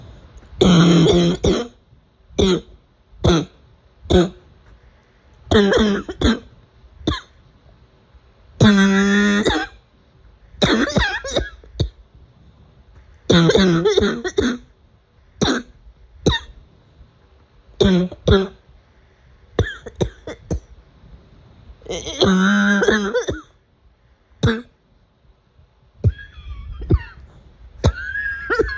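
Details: An adult's afternoon coughing fit: repeated bursts, some hacking and throaty, others short and sharp, across half a minute.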